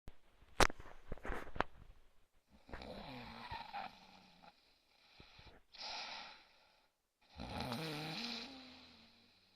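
A few clicks, then rough, fluttering breath sounds with a buzzing, tonal edge, separated by pauses: snoring during sleep.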